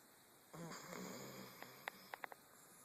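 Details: One drawn-out, rattling, buzzy inhaled snore followed by a few soft clicks; ordinary snoring.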